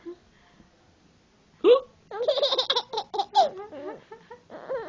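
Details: A sharp, abrupt hiccup-like gasp followed by bursts of hearty laughter from a baby who laughs on hearing the hiccups; hiccups.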